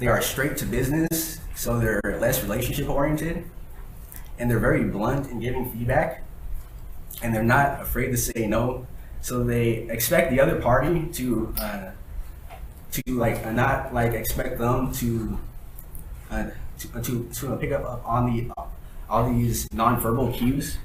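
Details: Adult man who has stuttered since he began speaking, at times needing minutes for one sentence; real speech from his own 2013–2019 recordings made while working to improve fluency. Finding: stuttering.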